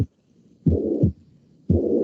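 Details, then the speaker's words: Mitral regurgitation (mitral insufficiency) murmur: slow heartbeat with a steady blowing murmur through the whole of left ventricular contraction (holosystolic). "aquí hay un vídeo de no sé si se escuchan cómo se escucha un soplo con insuficiencia mitral"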